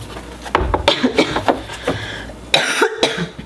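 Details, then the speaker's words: Several short, dry coughs from an adult woman, a lingering cough left over from a recent, really bad cold. "yeah you hear that cough that's from the last cold that i had and let me just say it was a really bad cold"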